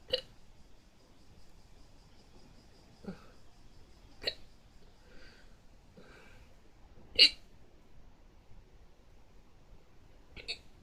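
Five sharp, abrupt hiccups spaced a few seconds apart in a quiet room; ordinary hiccups.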